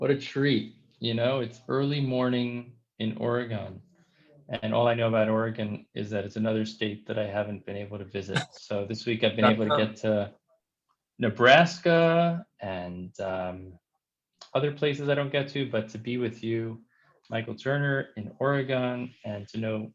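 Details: Adult male speaker; typical speech.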